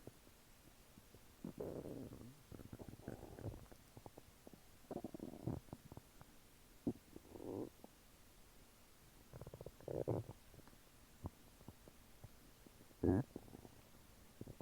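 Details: Bowel sounds after eating chicken nuggets and fries: irregular gurgles and rumbles every few seconds with quiet gaps between; active normal bowel sounds after a meal.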